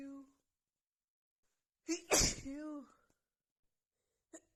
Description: I had been feeling sneezy all day long, so this got super intense my nose wouldn’t stop ticking and I had to let them all out.